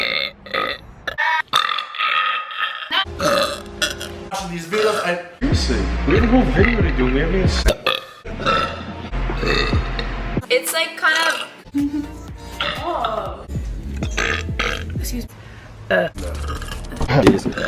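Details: Burp compilation: repeated loud, drawn-out belches with brief talk, "excuse me" and laughter over background music.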